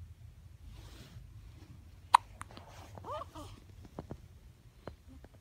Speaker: You got hiccups, little one? Oh my goodness. You're so little. Why are you so hiccupy?